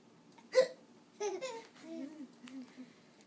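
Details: Infant gives a sharp, abrupt hiccup with a deep chest movement, followed by giggling and babbling; laughing at his own hiccups; ordinary, harmless infant hiccups.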